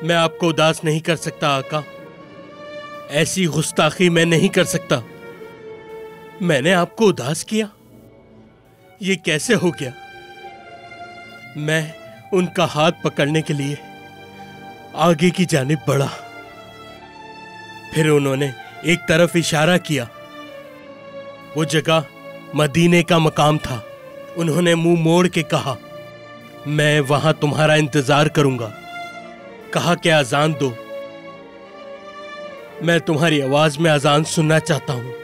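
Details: Adult male voice, acted narration; typical speech.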